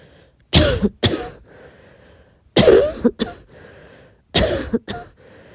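Three bouts of paired coughs, about 30 a minute, with quiet room noise between bouts.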